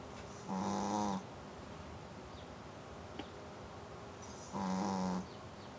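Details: Snoring: two loud, buzzing snores on the in-breath about four seconds apart, with quiet breathing between.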